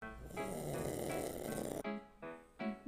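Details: Sleeping pug snoring loudly: rough snores, partly masked by background music.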